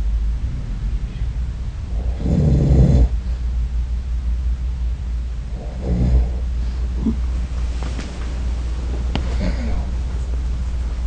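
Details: Adult man's own sleep snoring captured with a snore-recording app: low, growling snores likened to a bear, against steady background hum with faint rustling; snoring.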